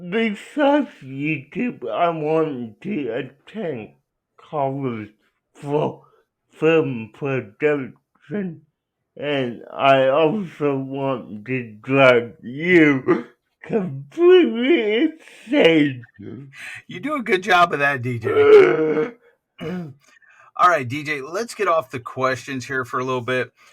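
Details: Dysarthria in an adult male with cerebral palsy, answering interview questions; speech hard to understand.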